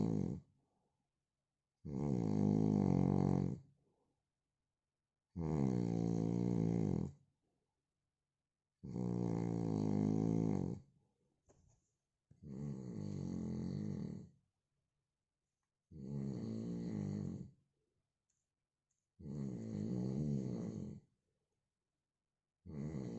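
Loud, rhythmic snoring: low rattling bursts repeating about 17 times a minute with quiet gaps between.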